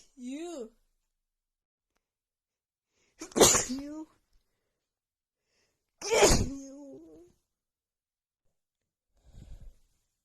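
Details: Woman with a bad head cold and unbearable nasal tickle: a rising voiced intake, then two forceful explosive sneezes with vocal tails in a quiet room; a sneezing bout.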